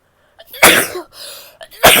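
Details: Female who is still sick, sneezing: two sneezes, each a short indrawn breath then a loud, hissy burst, with a quieter breathy sound between.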